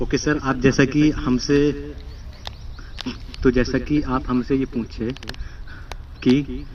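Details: Male student at a stammering therapy centre, trained in breathing, airflow and prolongation techniques, speaking in a role-play; speech broken up by pauses; stuttering.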